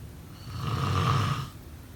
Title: Snoring sound…